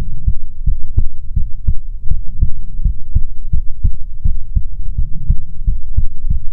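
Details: ASMR heartbeat recording: steady, deep paired lub-dub thumps at about 80–85 beats a minute; regular, normal heartbeat.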